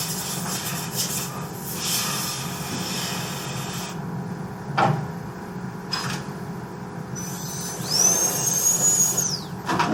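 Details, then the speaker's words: High-speed dental drill with 856.016 burr reducing the oblique ridge for an all-ceramic MOD onlay preparation on tooth #14: high-pitched whine rising and falling as it grinds, with water-spray hiss. "So I'm going to come back from this side, start from the same position, the distal pit, and then I'm reducing down on the oblique ridge, going up with the distal lingual groove just like I did earlier."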